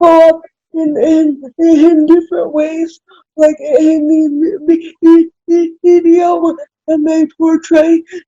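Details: Adult woman with spastic cerebral palsy, a recent college graduate, speaking in a real podcast conversation; dysarthria due to cerebral palsy.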